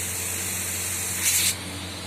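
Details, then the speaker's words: Nebulizer outlet of a portable electric oxygen concentrator running with medicine in the chamber: steady airy hiss with a low machine hum, briefly louder for a moment. "and we have to connect the tube. And this is a nebulizer chamber, this is a medicine, and you see you start getting the very good nebulization fumes."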